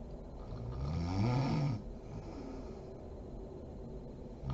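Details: Mother (adult woman) asleep: one rough, rattling snore on a breath in, then quiet breathing and faint room noise; ordinary sleep snoring.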